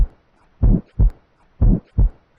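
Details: Blowing heart murmur.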